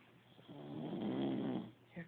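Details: Light snoring during sleep: a single soft, buzzing breath lasting about a second.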